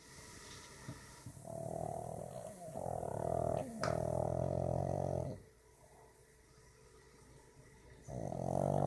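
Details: A pet pug dog snoring while asleep.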